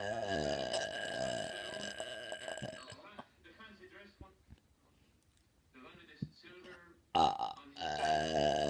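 Long, loud voiced burps, one before and one after a quieter stretch, in a small room.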